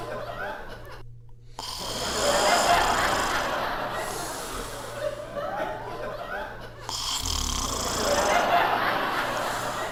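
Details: Dog sleeping on the floor: continuous heavy, rattling snores rising and falling with each breath over room noise: loud snoring.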